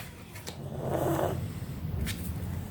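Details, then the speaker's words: Snoring heard in the background of a recording, said to show the pet is very comfortable: soft, low rumbling breath noise with one fuller snore in the middle. "oh if you hear the little noise in the background that's nah snoring I noticed in the videos that you hear that noise that's nah snoring which means he's very comfort"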